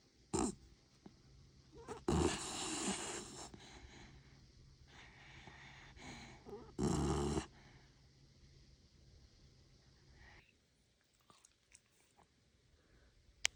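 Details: Sleeping Cavapoo puppy gives a few loud, rough snorting breaths among softer rasping breaths over a low steady hum: ordinary snoring.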